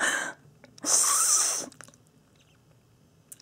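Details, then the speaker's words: Adult with Tourette syndrome whose intense breathing tics progressed to full-body tic attacks, with breathing better after hospital treatment; respiratory tics. "I was having tick attacks by then like not just breathing ticks but like full body ticks so that was a little bit of a great combination breathing is better now not perfect but it's better"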